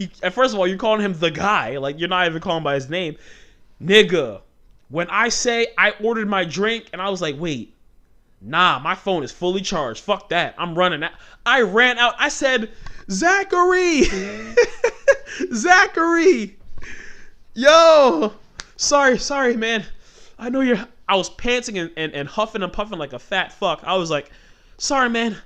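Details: Adult man who has stuttered since childhood; the stutter comes out when he talks fast or gets passionate and fired up, and he remarks on a stutter right after this stretch. Stuttering.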